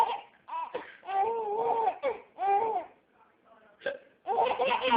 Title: Laughing at my hiccups